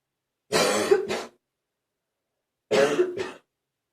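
Two harsh, rough coughing bouts, each a long bark followed by a shorter one, consistent with a barking cough.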